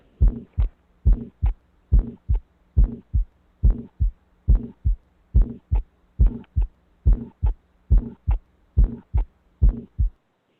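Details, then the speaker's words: Still's murmur in a child, a benign pediatric murmur: regular heartbeat about 71/min with a soft, musical murmur between the beats, possibly from pulmonary valve leaflet vibration. "so this is more of a uh a benign murmur so this is actually called a stills murmur so stills murmur are normal sounds"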